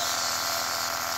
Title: 3 years old baby with flu enjoying self inhalation with nebulizer